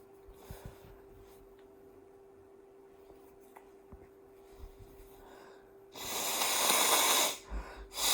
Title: Blowing my snotty nose with a rattle sound